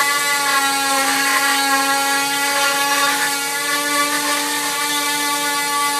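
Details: Loud high-pitched whining motor with shifting grinding tone as a cast saw cuts a full-leg plaster cast, removed after 6 weeks following patellar tendon reattachment surgery.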